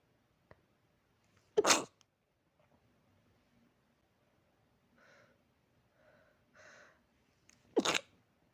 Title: keep sneezing